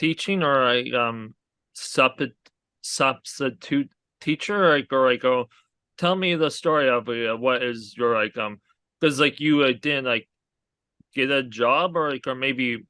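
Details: Aphasia in a male stroke survivor who had a hemorrhagic stroke from an arteriovenous malformation at age 20.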